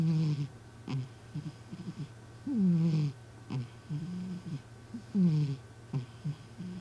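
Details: Former stray rescue cat snoring while asleep: repeated soft rumbling breaths at roughly 20-some per minute over a steady low hum.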